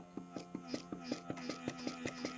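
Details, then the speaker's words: Zomee Z2 breast pump in stimulation mode (max suction level 5): rapid, even mechanical pulses with a soft whir, about 12 in two seconds, mimicking quick infant sucking; breast pump stimulation mode. "So now this wavy line, that is your stimulation mode. Again, you can only get up to level 5 suction here. This stimulation, just pay attention to the sounds here. This is so fast."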